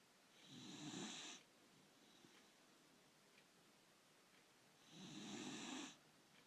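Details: Snoring: two loud, rough snoring breaths about four seconds apart, with quiet breathing in between.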